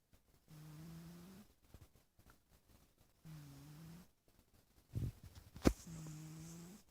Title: Snoring Little Kitty Cat